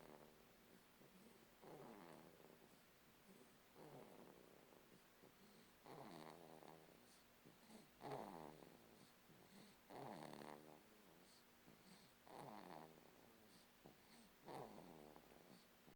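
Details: A 3-month-old boy sleeping: soft, regular, snuffly snores with each breath, roughly 28 a minute, over faint room noise; light snoring in a sleeping infant.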